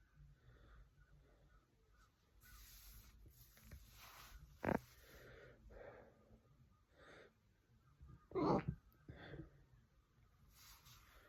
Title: Induced hiccups #hiccuping #hiccups #hicka #soluço #singhiozzo #schluckauf